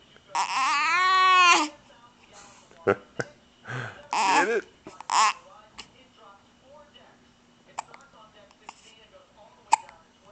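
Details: An infant boy with gas and hiccups: a drawn-out cry-like vocal, then several short abrupt voiced catches spaced a second or two apart; infant hiccups.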